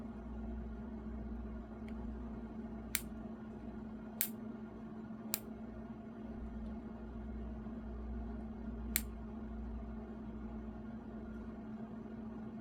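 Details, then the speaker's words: Four sharp snipping clicks about a second apart over steady room hum, as a foot care nurse uses nippers to take small nips following the toenail's shape during a foot care demonstration exam. "Okay, so I'm going to start by doing um small nips. I'm just following the shape of the nail."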